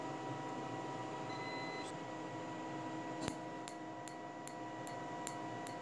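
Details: Tattoo removal laser without numbing cream, patient in pain, operator asking about speed: sharp regular clicks about every 0.4 seconds over steady machine hum.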